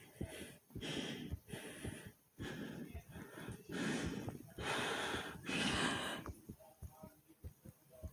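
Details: Hard, labored breathing during a fast heartbeat recording: loud, heavy, rushing breaths in quick succession over low heartbeat thuds, with stomach growling midway.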